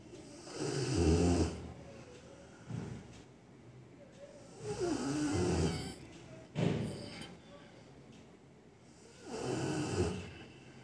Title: Rottweiler snoring while sleeping